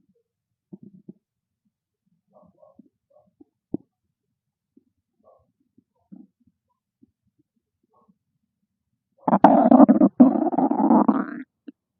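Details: Hungry stomach growling: scattered faint gurgles then a loud two-second rumbling growl from the abdomen; ordinary bowel sounds (borborygmi).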